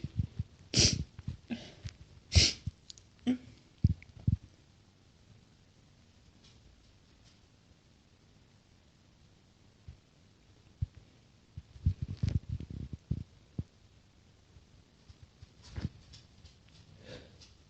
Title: more chhinkni sneezes